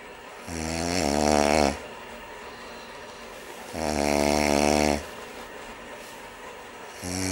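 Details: Adult snoring: loud, buzzing, rattling snores, each about a second long, repeating about every three seconds with quiet pauses between.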